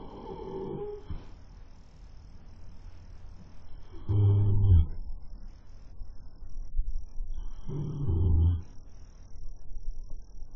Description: Webcam catches our horse snoring like a, well horse.